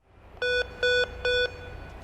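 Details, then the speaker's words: Pulse oximeter in neonate mode on a baby: three evenly spaced electronic beeps, the alarm for oxygen saturation below the target level, here 90 to 100 percent. "an alarm will go off if the saturation is below the target level the middle button at the bottom resets the alarm"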